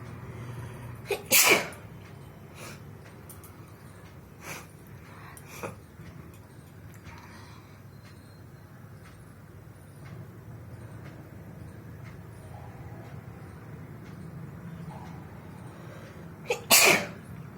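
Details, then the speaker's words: Sneezing challenge, sneezes induced by tickling the nose with paper, eyes watering: two loud, explosive sneezes about fifteen seconds apart, with soft sniffs and breathing between them in a quiet room. "বন্ধুরা দেখতেই পাচ্ছ কত হ্যাচিও হয়ে গেল আজকে।"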